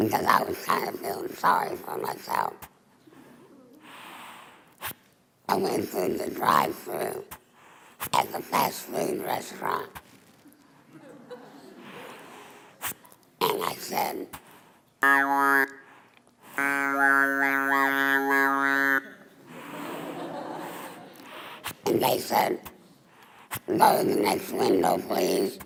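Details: Adult woman, a former smoker of 23 years, with laryngeal cancer treated by total laryngectomy in January 2002; she speaks with a hands-free stoma device after earlier using an electrolarynx; alaryngeal speech after total laryngectomy.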